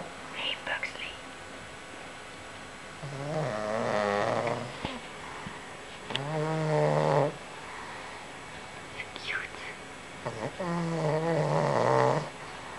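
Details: Pug napping; rough, fluttering snores, about three breaths in thirteen seconds, each with a vibrating, snorting quality; snoring in a flat-faced dog.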